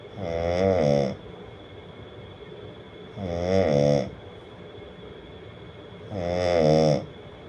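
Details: Man snoring, presented as a snoring sound effect with background music.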